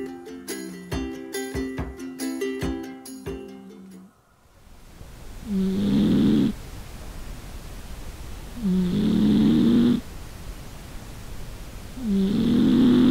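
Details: Cat's snoring measured with a noise meter, owner wonders if due to obesity: brief music, then rhythmic snoring about 18 breaths a minute with rough buzzing on each breath.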